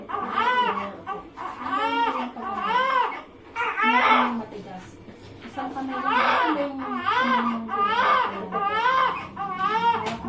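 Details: Repeated loud, wavering cries from a newborn just after a normal birth, each burst a few seconds long with short gasping pauses; vigorous newborn cry.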